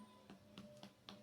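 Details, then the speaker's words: Percussion demonstration of a tympanic note: five evenly spaced taps, each with a brief hollow, drum-like ring, as over the air-filled stomach, heard over faint room noise. "suena muy resonante, similar a un tambor. ¿A qué me refiero con esto? Es con capacidad con mucho aire."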